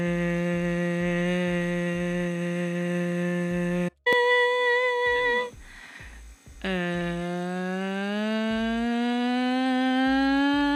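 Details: Normal voice demonstration in a laryngeal lecture: pitch varies with vocal fold length and tension, cricothyroid lengthening folds to raise pitch and thyroarytenoid shortening them to lower it; normal pitch change with vocal fold length.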